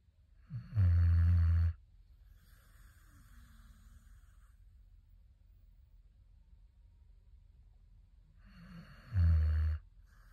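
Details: Deep, loud rumbling snores on inhalation, two in about ten seconds with soft exhalations between, from a sleeping dog that is also dreaming; heavy snoring.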